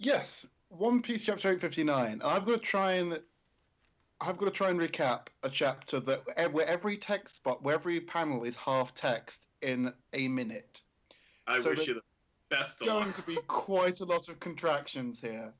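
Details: Adult male speaker; normal speech.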